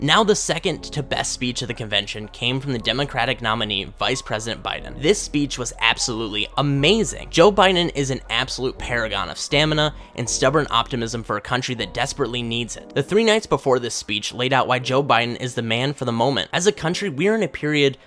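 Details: Adult male speaker; ordinary speech.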